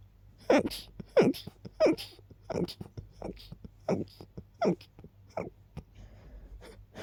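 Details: Rapid run of short, forceful sneeze bursts with brief breathy buildups between, after smelling lilies and keeping them nearby; repeated allergic-type sneezing.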